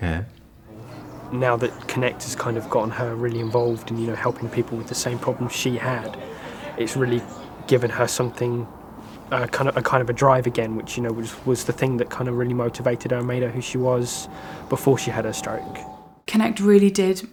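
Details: Adult male speaker; ordinary speech.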